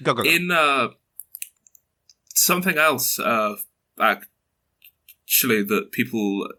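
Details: 22-year-old man who has stuttered since early childhood, mother also stutters, reports blocks and repetitions; stuttering.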